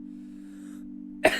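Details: An adult livestreamer troubled by phlegm and a hoarse voice; a steady low hum, then one abrupt, harsh cough at the very end: a single cough.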